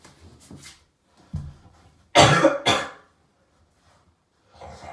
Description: Nothing special. Just me hocking loogies, blowing my nose and coughing.